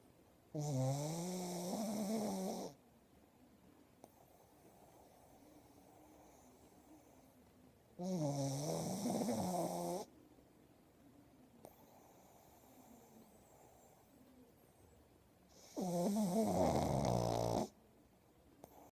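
Three loud, rattling, honking snores on breathing in, about every seven to eight seconds, with quiet pauses between; snoring in a flat-faced small dog.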